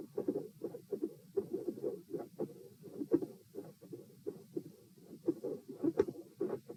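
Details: Heart sounds recorded at position P, patient supine doing leg exercises to test heart response, 78–90 bpm: steady beats with sharp high-pitched clicks growing louder without change in rhythm or pattern.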